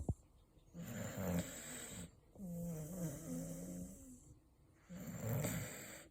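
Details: 4-year-old Beagle dog snoring loudly while asleep: loud, rattling, low snores with a fluttering tone on each breath, about three in six seconds.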